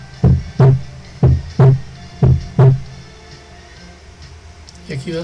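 Three lub-dub heartbeat cycles at about 60 a minute, each a low thump closely followed by a second; normal second heart sound, with brief voice at the end.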